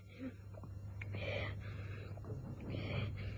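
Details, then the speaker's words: Child with pertussis (whooping cough): spasmodic paroxysmal coughing bursts ending in a noisy, crowing inspiratory whoop; pertussis inspiratory whoop. "se traduisent par une succession de secous spmodique de tout et aboutit souvent à un vomissement ou une reprise inspiratoire bruillante semblable au champ du"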